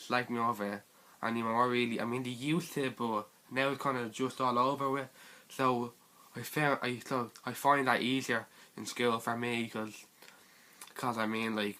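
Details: Teenage boy who stutters (stammer), talking about the support he gets at school; stuttering.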